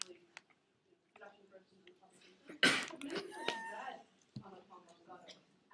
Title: Girl Makes Guy Sneeze Without Touching Him